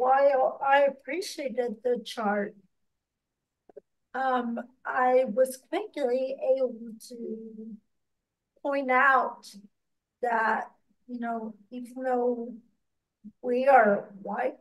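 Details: Speaker with ataxia (the episode discusses Friedreich's ataxia) who has worked on pronouncing words; ataxic speech (dysarthria).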